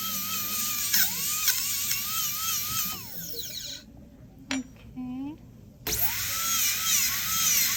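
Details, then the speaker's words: Dental drill removing old composite filling before diastema closure restoration using a silicone index: high-pitched whine dipping in pitch as it cuts, stopping briefly, then restarting; soft music behind. "okay so now I removed all the mup composite how can I prep prepare the animal surface for composite restoration"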